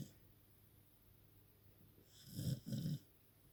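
After quiet breathing, two short, rough, snorting snores come close together: a dog snoring.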